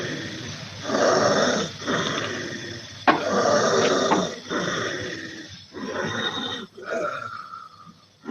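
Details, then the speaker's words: Played example of paradoxical vocal cord dysfunction: harsh, growling inspiratory stridor in repeated long pulls as the person struggles to breathe in; distinguished from asthma, in students or athletes. "Hearing that, basically that they're struggling to breathe in. The chest is going to rise and they're just going to have that difficult grasping for that air."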